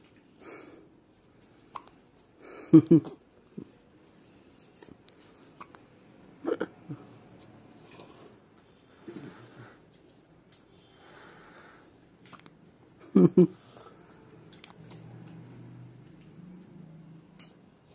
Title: Newborn Hiccups